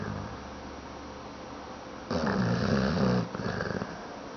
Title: Chubs Snoring